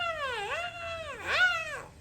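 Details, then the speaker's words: Newborn's first cry: two high, wavering wails from the first-born of twins (a boy) delivered at 38 weeks after the mother was cut open, about two minutes after the incision. A normal newborn cry. "it's so weird because even that cut was so painful as soon as i heard my baby cry like two minutes later my first baby my first one"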